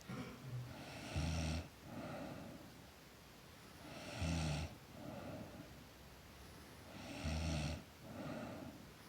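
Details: Girl snoring during sleep: regular low rattling snores on each in-breath, about 20 breaths a minute, with quieter out-breaths between.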